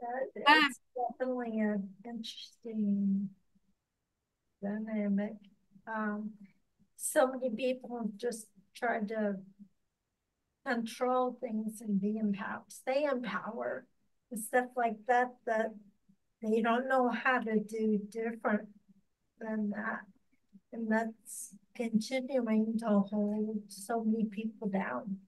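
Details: Ataxic dysarthria in a podcast host who has ataxia and reports working extensively on pronouncing words.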